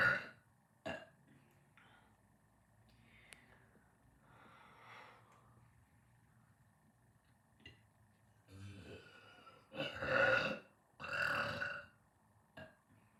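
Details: Post-dinner burping: several loud, drawn-out throaty belches with quieter clicks and swallows between them in a quiet room.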